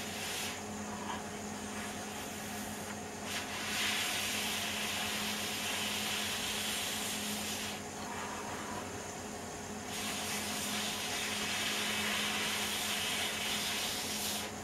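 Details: Steady hiss and hum of the sampling pump of a Datex-Ohmeda Instrumentarium anesthesia gas monitor, with breath-like swells as a person blows into the sampling line, shown as a demo of CO2 measurement.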